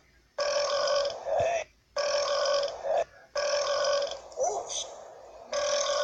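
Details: Repeated burping: four long, loud, buzzing belches, each lasting about a second, with short gaps between them.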